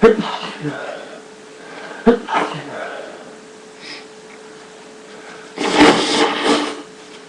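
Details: Person with a pollen allergy during a sneezing attack: three forceful sneezes, each a sharp burst, the last a longer noisy blast.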